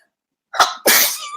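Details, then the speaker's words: Two quick sneezes in a row from a woman: a short inward catch, then a sharp explosive burst of air. "that's how she sneezes yeah I'm where to sneeze her so we can probably try excuse me I think I'm I'm sick of a little sick"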